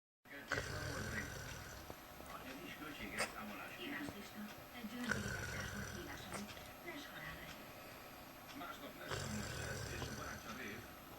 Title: Funny Snoring :D